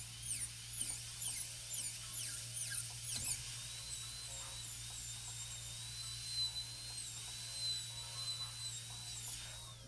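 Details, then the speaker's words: High-speed dental drill whine, rising and falling over low room hum, as a cylindrical diamond bur enters the embrasure from the facial, pushing gingiva down, during full gold crown preparation on tooth #30. "Okay, so coming through from the facial again, I'm going to push the gingiva down and see if it stays at a lower level, but we're going to have to work pretty carefully here."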